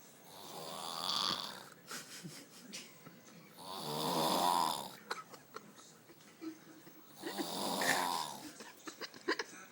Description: My best friend snoring frickin loud